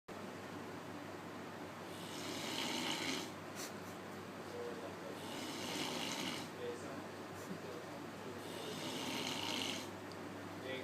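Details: Sleeping adult man snoring, filmed as a prank: steady, rough snoring breaths about every three to four seconds over room noise; snoring.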